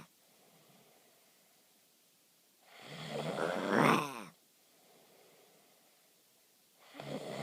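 Loud, rattling snores on each breath in, separated by quiet pauses, with another starting at the end; ordinary snoring.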